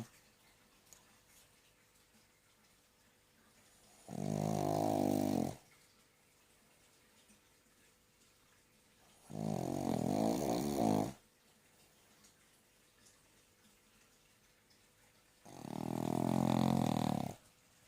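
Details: Three long, loud, rattling snores about six seconds apart, near ten a minute, with quiet between them: snoring.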